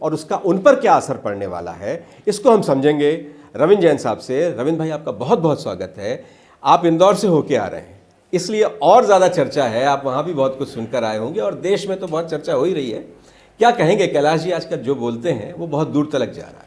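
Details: Adult male speaker; Normal speech.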